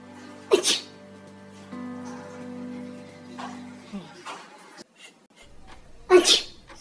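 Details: Two sharp, explosive sneezes several seconds apart, with background music and a few softer sounds between; sneezing.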